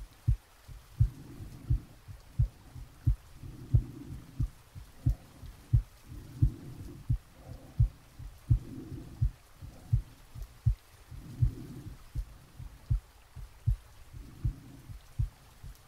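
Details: Soft, regular heartbeats at about 85 a minute with slow breathing, really recorded from the chest during sleep, with added gentle rain; heart sounds.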